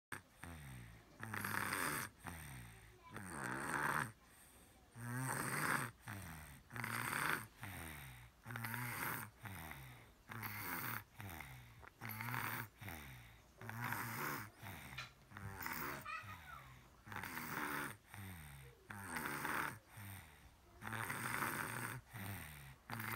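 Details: Sleeping puppy snoring loudly and rhythmically, with rattling snorts on each breath in and out; snoring.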